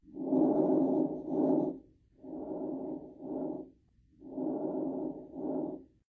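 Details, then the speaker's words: Diminished breath sounds after a normal comparison: one full, clear breath, then two much quieter breaths. "and lastly we have diminished breath sounds just like the name suggests let's listen to normal and then diminished"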